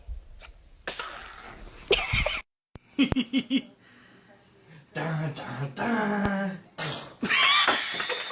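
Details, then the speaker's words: Baby girl sneezing, described as a honk-like sneeze: several quick, sharp bursts of air with adult voices in a small room; infant sneezes. "She sneezes this honk like a 16-year-old."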